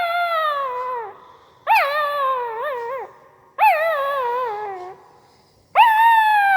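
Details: Newborn pariah dog puppy sleeping, giving four drawn-out, wavering high whines with its mouth; sleep whimpering, most likely dreaming.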